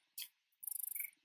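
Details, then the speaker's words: Brief click, then a rapid train of soft, high-pitched mechanical pulses from a Spectra S1 hospital-grade electric breast pump switched on at vacuum level seven in expression mode, cycle 54. "let me push the on button and you can hear the sound it's on level seven it started on expression mode and it's on"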